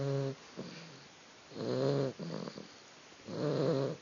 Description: My new puppy was sleeping and we discovered she snores ;)